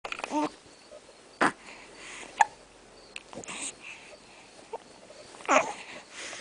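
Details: Three abrupt, brief catches of breath a few seconds apart from a female, against quiet room noise: hiccups.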